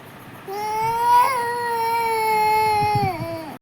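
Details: Baby crying unhappily while being coaxed to eat: a sustained, loud infant cry of about three seconds, steady in pitch with a small break and a fall at the end.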